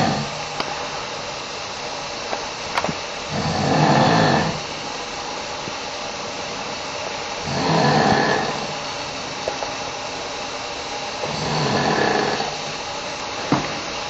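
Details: Very loud snoring: three slow, rough, fluttering snores on breathing in, about 15 breaths a minute, over steady room noise.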